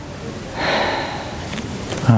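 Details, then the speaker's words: Stethoscope over the anterior upper chest, second intercostal space, patient breathing with open mouth in an auscultation demonstration: one soft, airy open-mouth breath; normal breath sounds. "okay so all I'm hearing is just normal sounds"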